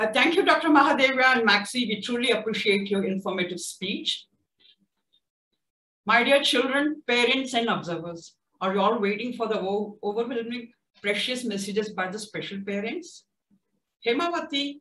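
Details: Adult event host; typical speech.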